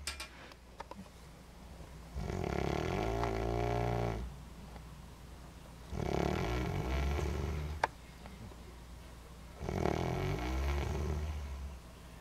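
Three loud, rough, fluttering snores about every three and a half seconds over steady room hum; regular snoring.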